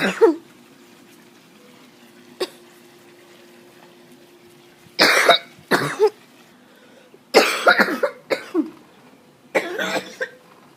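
An adult coughs in a run of about seven harsh bursts, some in quick pairs, with a quiet hum behind.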